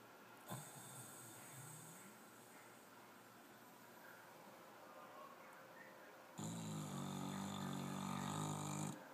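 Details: Gracey, a dog, snuggling while asleep: a soft snuffle, then a long, buzzing, fluttering snore on inspiration; snoring.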